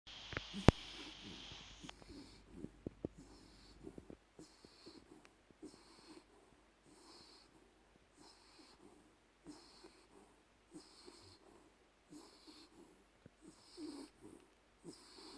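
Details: Soft, regular snuffly snoring with light whistling on each breath, about 24 breaths a minute, from a small Jack Russell–Chihuahua mix sleeping snuggled in a blanket; snoring.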